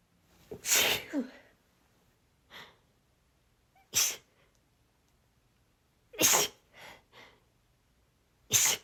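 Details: Nonstop breathy, breathless sneezing fit: four strong breathy sneezes in quick succession with softer in-breaths between.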